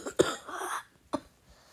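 A harsh single cough with a short throaty tail, then a second brief cough; an irritated-throat cough in a child with a cold.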